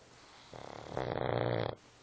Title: Snoring.......